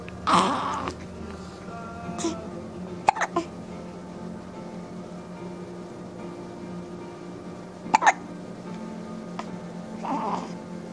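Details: Hiccups: a few sharp, sudden catches of breath spaced several seconds apart over faint background music.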